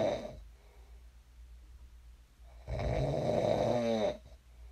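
Loud rasping snore on breathing in that ends in a buzzing flutter, after a quieter breath. Ordinary sleep snoring.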